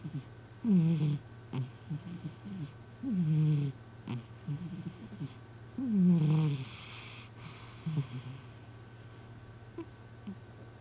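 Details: Snoring from a rescued former stray cat.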